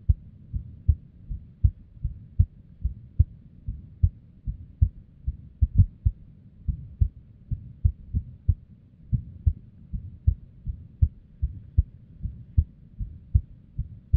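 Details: Female resting heartbeat, described as unstable, recorded with a simple microphone or headphone. Roughly 100 a minute with uneven spacing and varying loudness: an irregular rhythm with arrhythmia and abnormal beats.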